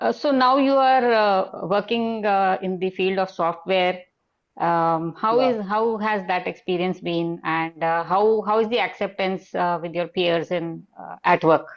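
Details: Adult speaker; typical speech.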